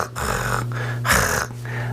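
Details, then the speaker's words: Coarse rattling noise with each breath in and out from mucus moving in the back of the throat, not a wheeze; as in little children or babies with a cold lying down; upper airway mucus rattle. "that is not a wheeze that's actually mucus in the back of your throat that's moving up and down as you're taking a breath"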